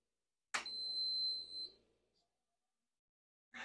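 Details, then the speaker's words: Home-fill oxygen system compressor switched on after an oxygen tank is locked onto it: a click, then a steady high-pitched tone of about one second, fading; the momentary start-up test tone before the compressor runs. "unit may make a test tone noise momentarily you will hear the home fill system compressors start to run could take up to a few minutes"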